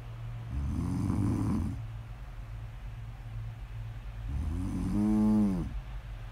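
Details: Sleeping person, ASMR snore audio: two rumbling snores, the second ending in a whistling tone, on breaths about four seconds apart; snoring.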